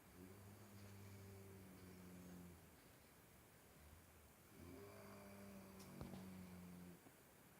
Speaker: Itulah suara orang ngorok, suara orang tidur mengorok.